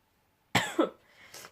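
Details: Adult who has been very ill for several days and is still unwell: one harsh cough with a short second burst, then quiet room noise.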